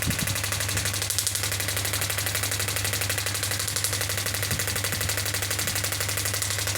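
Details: Biotronix pneumatic radial extracorporeal shockwave therapy (ESWT) device, up to 10 bar, frequency adjustable (8 Hz shown): rapid, regular mechanical clicking of the probe firing at about four pulses per second over a steady hum.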